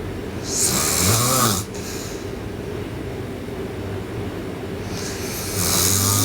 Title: Sleeping Girl Loud Snoring